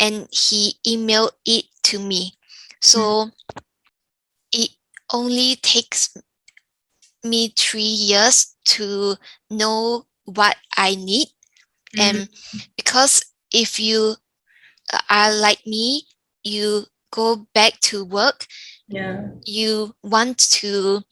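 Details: Younger adult woman with aphasia following a stroke; aphasia.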